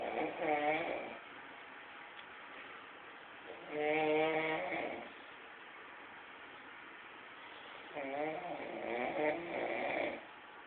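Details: Person sleeping with loud snoring likened to a tractor engine: three long voiced snores spaced several seconds apart, each with a low rumbling buzz and quiet pauses between breaths; snoring.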